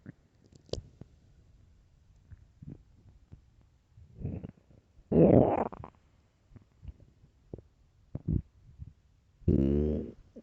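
Irregular low gurgles and rumbling growls with quiet gaps, ordinary stomach growling on an empty stomach.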